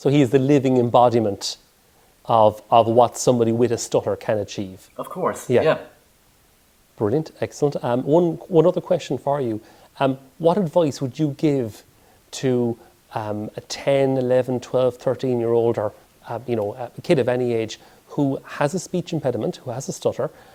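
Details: Adult male speaker; typical speech.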